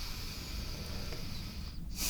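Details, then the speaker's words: Soft airy breath then sharper inhalation, calm unlaboured breathing heard during a deep breath on the left lung in a simulated ASMR roleplay physical exam; described as clear airways without fluid or mucus, normal breath sounds. "if you could take a nice deep breath in nice clear Airways no fluid buildup or mucus build up on that's and another nice deep breath let's create a lovely and clear nice strong and healthy Airways"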